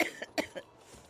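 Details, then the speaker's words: A sick adult woman, unwell, gives a quick run of about four short, dry coughs. "I'm sure you guys can hear it. I'm sick, so I didn't want to do anything that might be long form video editing worthy, because then I'd be like hacking and coughing and wheezing and choking and shit."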